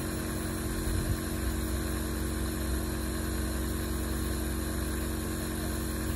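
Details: A baby with a cold receives a breathing treatment from a compressor nebulizer, heard as a steady motor hum with a faint rhythmic rattle.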